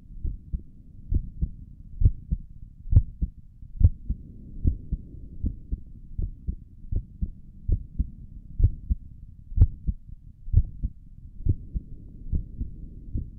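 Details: Own heartbeat recorded through a stethoscope on the chest for relaxing ASMR: steady low thumps at about 66 a minute with a faint hum behind; stomach gurgles occur in the recording; normal heart sounds.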